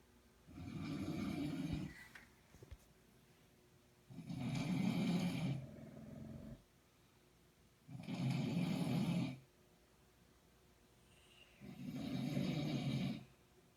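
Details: Audrey snoring: loud, rough, rumbling breath noises in a steady rhythm, about four in 14 seconds, during sleep.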